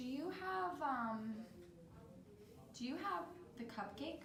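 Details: Role-played (acted) patient with Broca's aphasia in a constraint-induced language therapy card game, with word-retrieval difficulty, normal comprehension, after two years of individual therapy; false start and repetition heard; Broca's aphasia (non-fluent aphasia).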